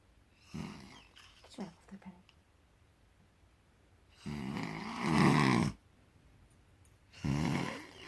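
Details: Man snoring loudly enough to be heard from the living room, recorded 10/9/18: loud, rough snores on inhaled breaths separated by quiet pauses, with faint room noise.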